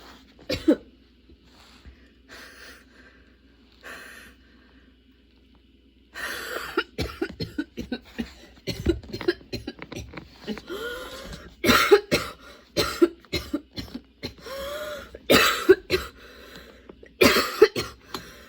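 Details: Sudden-onset, unexpectedly long nonstop coughing fit that kept worsening, bringing tears and constant position changes: quiet at first, then a long run of harsh coughs with gasping breaths, building without letup; prolonged coughing fit.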